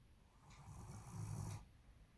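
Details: German Shepherd dog named in clip snoring very loudly while asleep; ordinary dog snoring.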